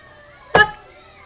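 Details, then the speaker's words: A single loud, abrupt hiccup with a sharp voiced onset, from an adult who gets hiccups after drinking pop, over quiet room hum; hiccup. "they're loud and embarrassing and it usually makes my kids laugh because they're really loud"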